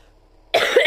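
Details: An adult woman coughs while struggling to speak, during a period of losing her voice; a cough.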